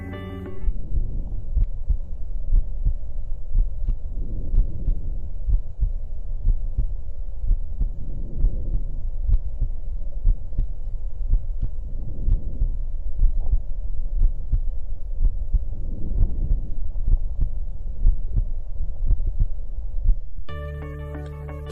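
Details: Diminished breath sounds.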